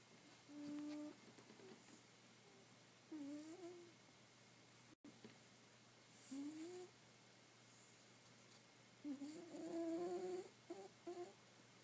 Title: Cat snoring